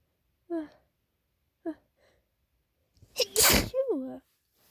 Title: late night uncovered and stifled sneezes